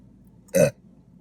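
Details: During a mukbang eating show after chicken fingers, fries and Diet Coke: a single short, loud burp against quiet room noise; an ordinary belch.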